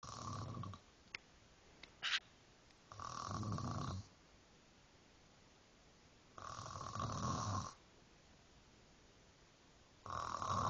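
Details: Loud, rough snores on each in-breath, about 18 a minute, with quiet gaps between; ordinary snoring from a sleeping person.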